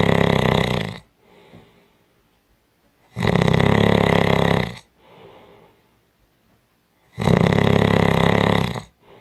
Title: Strong Snoring | 5 Minutes | Audio Clip